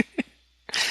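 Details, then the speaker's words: Adult with a common cold, recorded on a podcast, gives a brief harsh cough burst after a moment of quiet. "Yes, I have a cold, so if my voice goes out, or if you hear the sound of phlegm, or the sound of me mocking Todd, either way, this will be funny."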